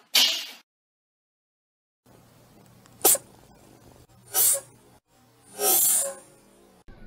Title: Dog&Cat Sneezing